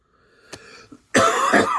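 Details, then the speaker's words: Adult man recovering from a cold clears his throat quietly, then gives one loud, rough cough to clear a lingering throat tickle. "I think I finally got that tickle out of my throat so hopefully we can get through this third pack without any coughing"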